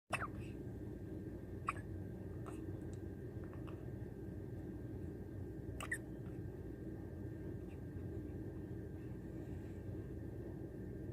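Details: Brief, sharp catches recurring every couple of seconds against steady room hum; hiccups.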